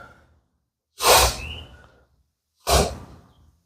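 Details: Two sudden, forceful nasal bursts about a second and a half apart from a boxer during a workout, sniffling and sneezing with major allergies.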